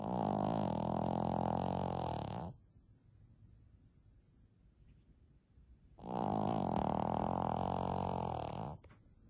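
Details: 14-year-old small female Shih Tzu sleeping soundly during the day and snoring loudly: snoring.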